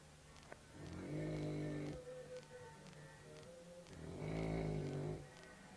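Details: Senior Cane Corso asleep in the morning: slow, droning snores on each breath in, about three seconds apart, with soft room noise; snoring.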